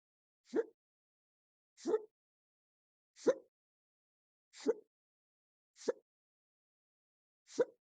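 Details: Induced, rapid-fire quiet hiccups recorded near their end, filmed from a stomach view: six short, abrupt hiccups about every 1.4 seconds, roughly 45 a minute, with silence between.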